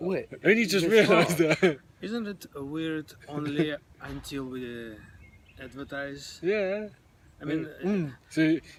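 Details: Adult male who stutters and is working on his speech: stuttering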